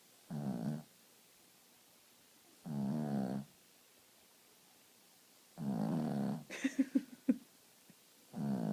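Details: Dog in deep sleep snoring: regular rumbling snores about every three seconds, with a burst of snuffling, lip-smacking sounds between them.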